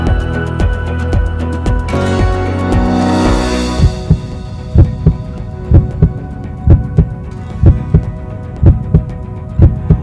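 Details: Heartbeat recorded with the AiSteth smart stethoscope: music fades into steady paired lub-dub thumps, about 60 beats a minute, regular rhythm.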